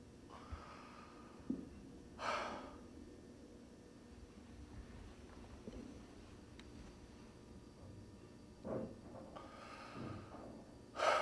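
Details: Agonal breathing in the terminal (agonal) stage of dying: isolated, irregular gasping breaths with long silent pauses between them, a pathological respiratory pattern.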